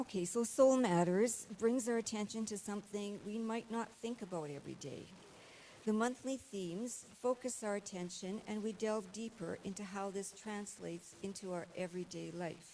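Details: Adult woman speaking; ordinary speech.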